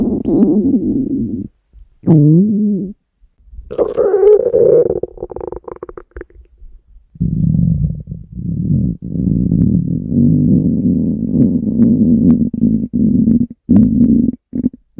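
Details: Woman's stomach growling recorded while she slept: loud, drawn-out growling and warbling rumbles with brief pauses, prolonged borborygmi.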